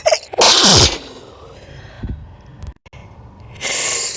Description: So my sneezes in this video we'll be slowed down.